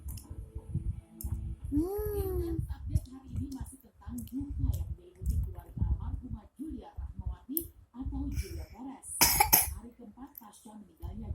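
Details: Young child coughing repeatedly while eating a meal, among chatter and eating sounds in a small room; cough.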